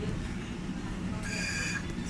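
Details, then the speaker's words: Bird ventilator with flow set mid-range, pressure about 10, tidal volume about 260–270; pressure-cycled ventilator breath at baseline pressure. "ทีนี้มาดูเรื่องของตัว pressure บ้างนะครับเมื่อเราตั้งโฟไว้อยู่ตรงกลางนะครับ pressure ตอนนี้อยู่ที่ประมาณ10นะครับ tidal volume ที่ได้ประมาณ260"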